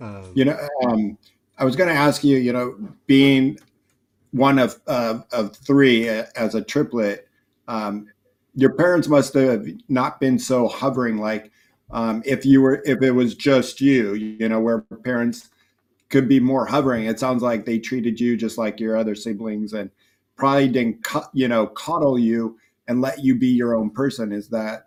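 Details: Adult male speaker; normal conversational speech.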